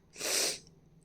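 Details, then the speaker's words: Single sharp, hissing sneeze under half a second from a woman with a heavy head cold, runny nose and cough. "बहुत ज्यादा जुकाम लग गया है। तबीयत ठीक नहीं है।"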